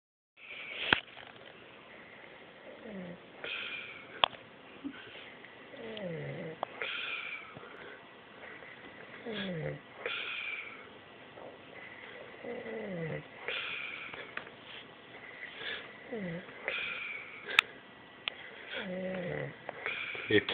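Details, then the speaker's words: Adult roommate asleep on the couch snoring rhythmically with a whistling, falling, cartoon-like tone on each breath, about 18 breaths a minute. "hey tyler i have something to tell you you snore exactly like a cartoon character i'm serious"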